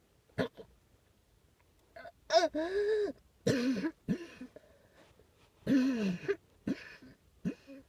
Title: coughing